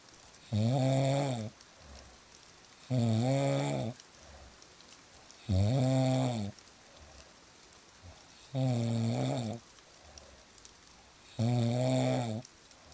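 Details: Loud, low, buzzing snores about every three seconds, five in all, with steady rain in the background; snoring.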